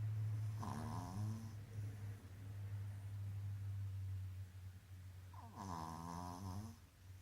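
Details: Dog snoring: two long, rumbling, groan-like snores about five seconds apart over a steady low hum.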